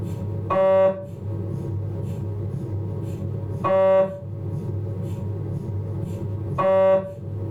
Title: MRI Sound Abdomen, Philips 1 5T